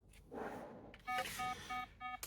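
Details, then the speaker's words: Autistic adult with 22q11.2 deletion syndrome in an orthostatic crash: repeated monitor alarm tones over room noise, intermittent for 5 minutes, heart rate down to 46 beats per minute, oxygen saturation 97% with dips to 92%. "So alarms are actively going off. Her heart rate's down to 46 beats."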